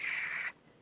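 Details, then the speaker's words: Imitated inspiratory lung crackles in a teaching example on ARDS and a less compliant lung on a ventilator: a brief high-pitched crackling rustle representing fluid in the alveoli. "crackles are the sound that fluid makes when you listen so if you inhale and you hear this"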